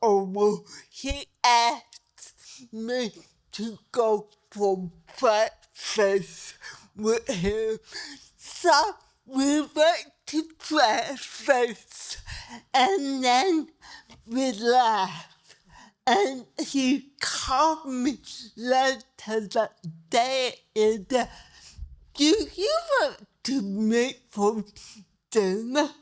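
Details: Dysarthria in a 63-year-old woman with cerebral palsy whose speech new doctors need help understanding; dysarthria (cerebral palsy).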